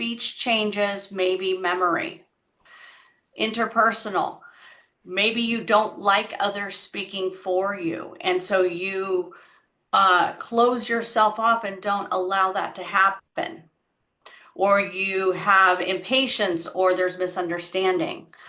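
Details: Adult woman speaking; typical speech.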